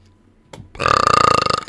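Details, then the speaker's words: Single burp: a short click, then a loud, prolonged voiced belch lasting nearly a second. "Oh, pardon me. I just burped. I just burped while listening to that. I didn't mean to, huh?"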